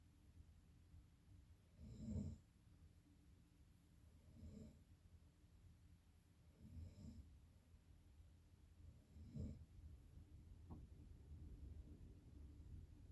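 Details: Quiet, low, rattling snores on each breath in, about every 2.5 seconds, against faint room hiss; ordinary snoring.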